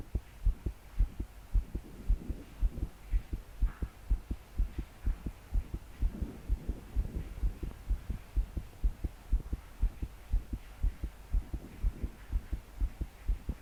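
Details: 22-year-old female trying to calm her heart to sleep, deep breaths not helping: strong rapid thumping heartbeat around 125/min, body shaking with each beat, faint breathing, heavy rain behind; pounding palpitations.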